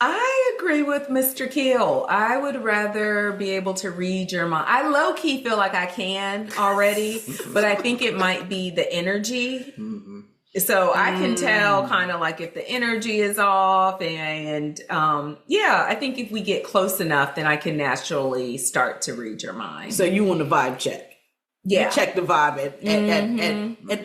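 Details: Adult woman speaking; normal speech.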